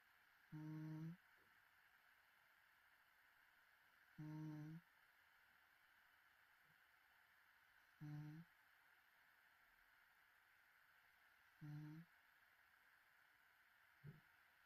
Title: from my today's sleep stream 😍#shorts #snoring #sleepaid